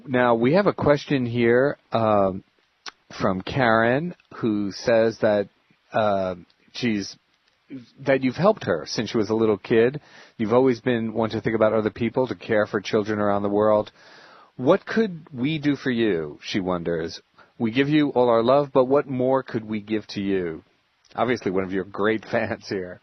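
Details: Adult male speaker; normal speech.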